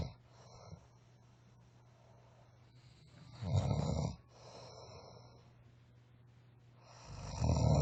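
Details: A friend sleeping snores: low, rattling snores on inhalation, two loud episodes separated by quieter breathing.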